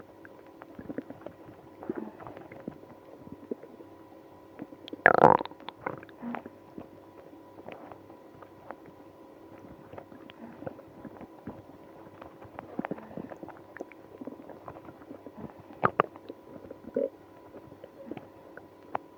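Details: Person with IBS after drinking milk and prune juice: frequent gurgling, squelching bowel sounds with a louder rumbling burst and moaning stomach noises; active borborygmi (stomach growling).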